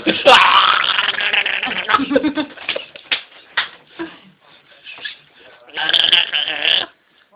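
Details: Two people burping after drinking cheap soda: loud, drawn-out voiced belches with gurgling, a longer one first and another near the end, with a little laughter between.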